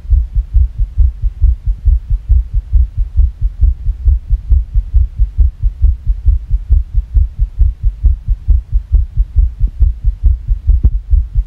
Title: Fast Irregular Heartbeat (sick)